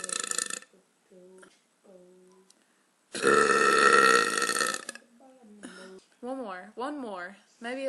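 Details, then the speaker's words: Woman burping: a long, loud, drawn-out, forceful belch between short voiced sounds and brief talk. "I don't even know where this comes from it's so powerful do you feel the couch"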